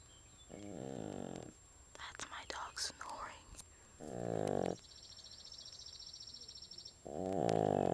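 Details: Snoring in a pug: loud, harsh snores on the in-breath alternating with snuffling and soft whistling; noisy snoring.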